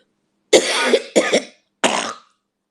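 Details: Coughing and hacking from a woman: cough.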